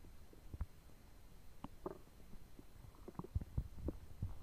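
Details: Active bowel sounds (borborygmi) from a belly digesting two foot-long sandwiches and a pint of cola: low gurgles and irregular thumps of ordinary digestive rumbling.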